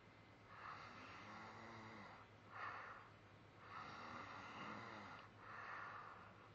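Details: Breathy, rattling snores on each breath, about 20 a minute, in a quiet room; ordinary snoring.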